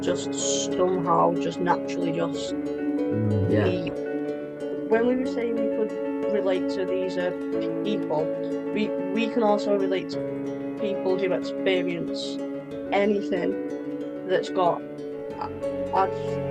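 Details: Adult woman with a stammer involving blocks; stammering.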